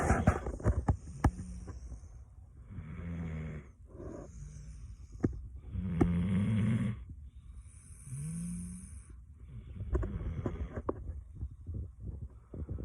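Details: Dog snoring: irregular snorting, rattling breaths with whistly tones and clicks over a noisy background.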